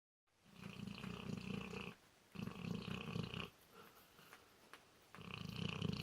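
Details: Rough, rattling snores from a sleeping dog, Rogue, who also runs in sleep: two long snores then a third, with soft snuffles between; snoring.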